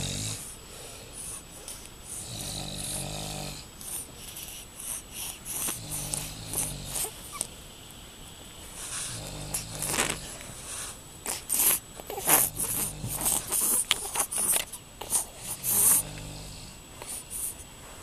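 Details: Child and his father sleeping and both snoring: repeated rattling, snorting breaths from more than one sleeper, with some whistly noise; snoring.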